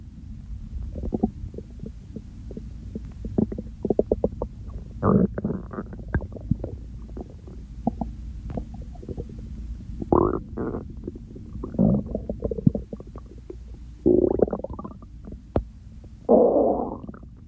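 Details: Ordinary stomach growling during hunger, part of a hunger-to-overfull digestion recording: low gurgling and rumbling bursts over a steady murmur (bowel sounds).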